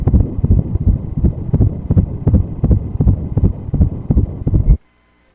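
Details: Fetal heartbeat on 12-week pregnancy ultrasound, heart rate 161: fast, regular whooshing pulses at about 160 per minute, normal; NT measured 0.14 cm; spotting at 6 and 11 weeks, doctor said baby growing well.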